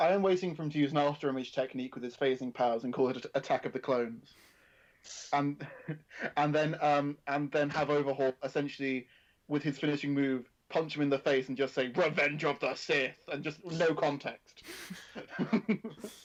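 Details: Adult male speaker; ordinary speech.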